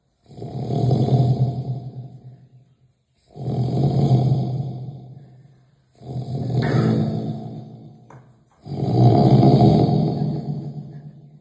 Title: Heavy sound snoring